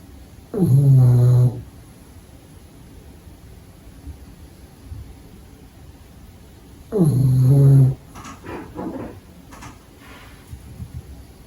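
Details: Pug puppy asleep during the day, snoring: two loud, deep, rattling snores about six seconds apart, with soft snuffles between.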